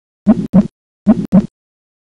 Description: The cardiac cycle includes all events related to the flow of blood through the heart during one complete heartbeat.